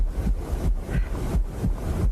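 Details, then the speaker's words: Man's heartbeat two years after his surgery, listened to by a woman wanting to feel close to her son: regular low thudding paired lub-dub beats, about 85 a minute, amplified recording. "You ready for this? And hear the sound of that heartbeat one more time."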